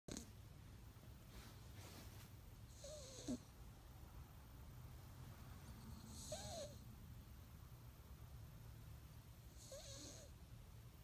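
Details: Cat Alex, asleep with tongue out, snores softly with a faint whistle about every three and a half seconds, roughly 17 breaths a minute, over a steady low room hum; snoring.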